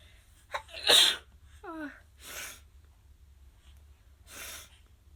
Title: Cute Japaneze girls sneezing くしゃみ33